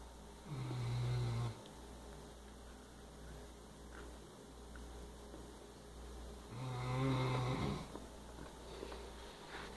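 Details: Great Dane asleep: two deep, droning snores about five seconds apart over steady room hum; large dog snoring.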